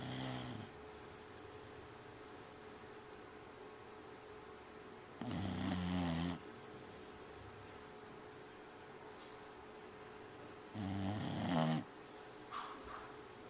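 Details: Person sleeping and snoring: slow snores about every five to six seconds, low and fluttering on each inhalation, with a steady whistling hiss in the room.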